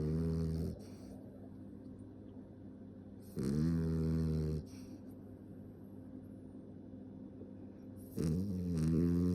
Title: Tiny snoring